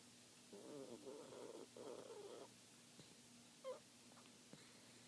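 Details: Papillon snoring in sleep, said to be much worse before filming: soft, fluttering, rattly breathing sounds in quick bursts over steady room hum.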